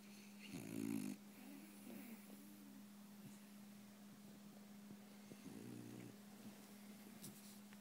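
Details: A French Bulldog, a loud snorer, gives two buzzing, fluttering snores about five seconds apart over a steady electrical hum; dog snoring.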